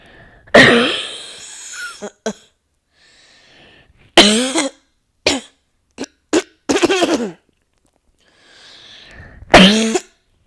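Clusters of harsh, forceful coughs, about eight bursts with brief gasps between, in a quiet room: a coughing fit.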